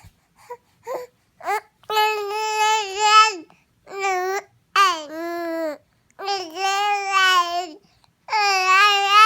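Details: Angry, "talking" baby with hiccups makes fussy, whiny crying and babbling cries in a small room, with several sustained cries and short sounds between them; infant cry.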